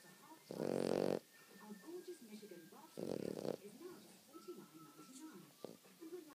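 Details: Dog named Max snoring in sleep: two short rattling snores with faint background talk in the room.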